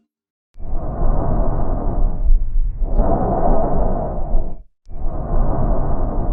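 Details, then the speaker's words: Normal bronchial breath sound: loud, hollow breath noise resembling the tracheal sound but less intense, with inspiration and expiration of similar length and a brief pause between them. It is a sound representation from a lung auscultation lesson. "ele tem umas características bem semelhantes ao som traqueal porém ele é menos intenso e o tempo de inspiração é semelhante ao tempo de expiração sendo que também acontece uma pequena pausa entre estes dois tempos"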